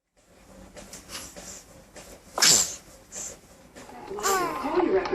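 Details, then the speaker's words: Single sharp, high infant sneeze amid soft babbling and background voices, followed by infant fussing; from a baby sneeze compilation. "You guys sneezed at the same time."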